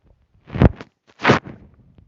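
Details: Sneeze recorded alongside hungry stomach gurgles: two short, sharp bursts of sound in a quiet room; no clear gurgling heard.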